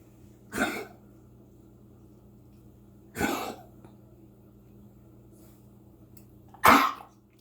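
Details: Coughing, recorded 1-7-20.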